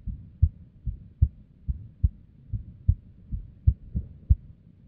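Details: Female resting heartbeat described as unstable and abnormal, about 76 a minute, with uneven spacing and varying loudness between beats: an irregular rhythm with abnormal beats.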